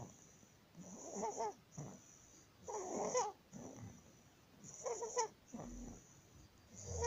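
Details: Inspiratory stridor in a 19-day-old baby with laryngomalacia.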